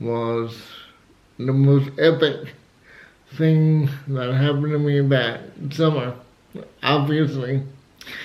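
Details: Dysarthria in an adult male with cerebral palsy, who also has asthma; he had to learn to talk and says he is still not quite there.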